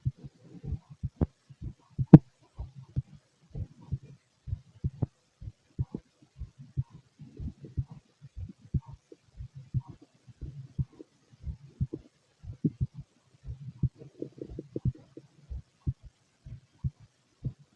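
Soft regular low thumps, roughly 80 a minute, with faint gurgling between them; a heartbeat.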